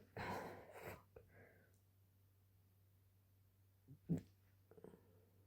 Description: I had just drunk a glass of water and went to sleep when I started hiccupping out of nowhere.